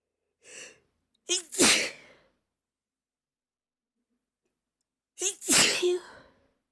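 A quick breath in, then two forceful sneezes a few seconds apart, each with a sharp burst of air and a trailing exhale.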